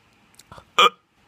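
A single abrupt, sharp voiced hiccup with a faint breath just before it, a typical hiccup.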